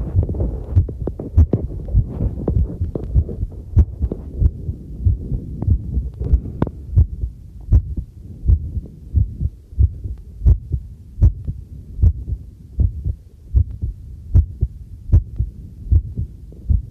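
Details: Own heartbeat recorded with a new homemade field stethoscope microphone while doing housework: a regular low thumping normal heartbeat at about 75 beats a minute, with tap water running and tableware clinking behind.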